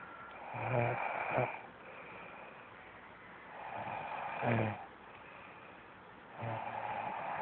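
Recurring low, rattling snores on each breath, about 19 a minute, over steady room noise.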